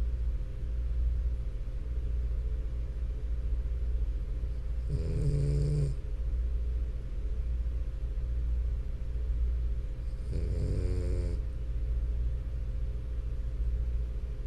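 Two loud, rattling, nasal snores about five seconds apart over a steady low rumble of breathing from a sleeping flat-faced dog.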